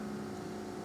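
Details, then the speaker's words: Home oxygen concentrator running normally during troubleshooting, with flow checked by the ball indicator showing liters per minute: a steady low machine hum with a constant tone. "one of the other indicators that helps us with a concentrator is to know where the ball is being provided at"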